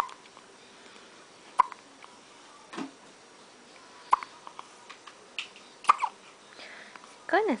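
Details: One of twins who have tandem hiccups: three sharp, evenly spaced hiccups about 2 seconds apart, roughly 25 a minute, with quiet room noise and an adult voice at the end.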